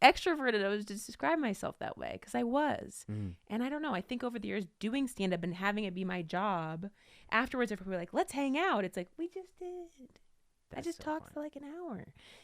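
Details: Adult woman; normal speech.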